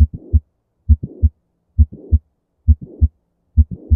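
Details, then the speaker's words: Mitral valve prolapse heard at the mitral area, where it is loudest, best with the patient lying on the side: regular heartbeat near 67 a minute with a soft systolic murmur, sometimes a systolic click. "a mitral and sometimes you'll hear a systolic click and you hear it best when the patient is laying on the side"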